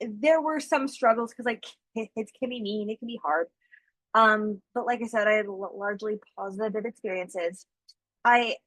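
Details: School-age girl who stutters, real person receiving speech therapy; stuttering.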